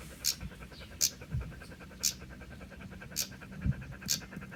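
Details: Male dog panting loudly in very hot weather under a tree: steady, rapid open-mouth panting with regular breathy bursts, about 75 a minute, as the dog cools itself.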